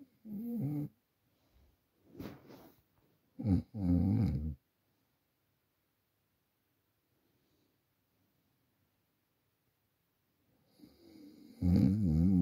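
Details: Genuinely asleep at night, recorded on a Samsung Galaxy A40 phone: loud rattling inhaled snores separated by silent pauses; ordinary snoring.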